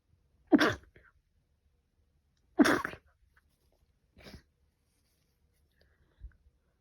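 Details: Adult with pollen allergy: a run of sharp, explosive morning sneezes; sneezing.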